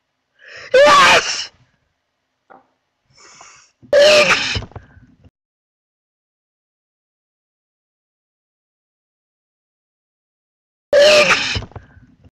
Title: pointless vids sneezing